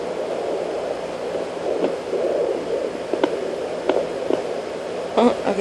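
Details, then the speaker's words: Fetal movement on home fetal Doppler at 16 weeks 5 days of pregnancy: steady Doppler hiss broken by several irregular soft bumps and swishes as the baby moves and kicks the probe. "okay i just want y'all to hear that i'm probably too close to camera anyway and he's in there moving around if you can hear that"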